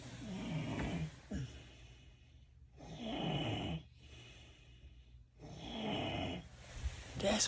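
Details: Two people snoring in sleep, a third expected to start: slow, rough breaths about every two to three seconds with a low rattle on each breath; snoring.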